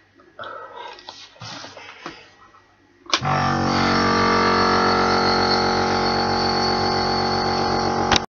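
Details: Patient with cystic fibrosis, using a nebulizer with hypertonic saline mixed with Colomycin: handling noises, then a click as the compressor starts into a steady loud mechanical hum and buzz; nebulizer compressor running.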